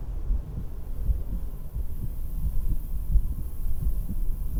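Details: Own heartbeat recorded through a stethoscope while sitting on a beach-house porch: soft, regular, low thumps at roughly 70 a minute with steady wind rumble behind; normal heart sounds.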